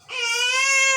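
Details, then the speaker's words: Infant girl, just woken from sleep and irritable, crying: one sustained, clear, high-pitched cry of about a second, strong and steady. Ordinary crying. "बघा ती रडायला लागली तर तू का रडती रडू नको हुशार आहे ना तू"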